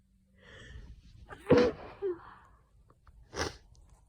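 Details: Adult coming down with an autumn common cold: a quick in-breath, then a sharp explosive sneeze and a second smaller burst. Sneezing with a cold.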